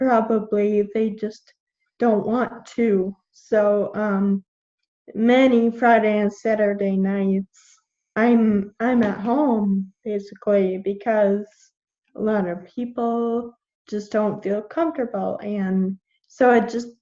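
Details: 21-year-old woman with Friedreich's ataxia, a genetic neuromuscular degenerative disease; symptoms from about age 9, diagnosed at 13, with progressively slurred speech; ataxic dysarthria.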